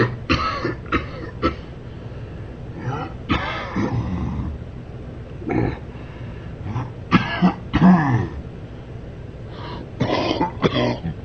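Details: Man coughing during sleep: repeated short, low coughs and throat clearing with faint background noise; cough during sleep.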